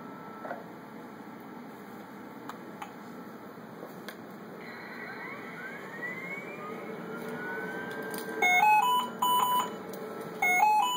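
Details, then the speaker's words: Respironics Esprit ventilator switched on by its toggle switch during a vent check gives a rising whirring sweep like an airplane warming up, then two-tone electronic alert beeps; normal start-up sequence. "Okay, you just flick it up, and it'll sound like an airplane starting to warm up when it goes."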